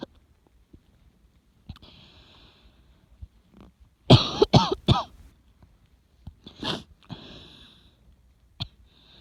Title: 喘息 肺炎 咳 asthma cough